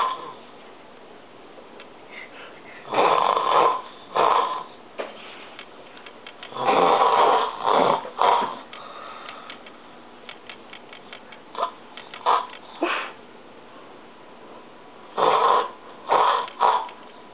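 Loud, irregular snoring bursts, some in quick double snorts, separated by quieter pauses; heavy snoring.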